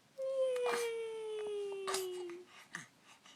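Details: Infant in the morning after stretching and sneezing three times, before breakfast: a single drawn-out, slowly falling wail about two seconds long, then quieter fussing; ordinary infant cry.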